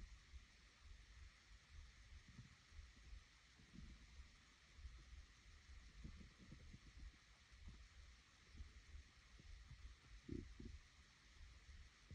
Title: Hungry Stomach growling 1